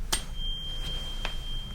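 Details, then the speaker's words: Light taps, then a steady pure ringing tone from a tuning fork struck for a Weber hearing test, checking lateralization, in an acted binaural medical roleplay head-to-toe exam; not a real patient. "So I'm going to strike the tuning fork and then put it on your mastoid process Let me know when you stop hearing it"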